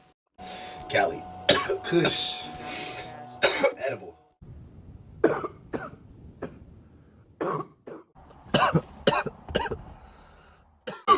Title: E&RSeason1: Best of Coughing Compilation (Part1)